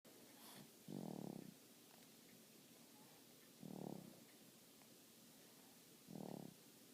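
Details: Sleeping person snoring: three soft, rumbling snores about 2.5 seconds apart, roughly 24 a minute, over a steady background hiss; ordinary sleep snoring.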